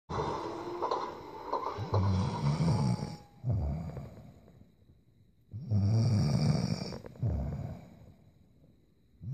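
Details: Snoring from a sleeping girl.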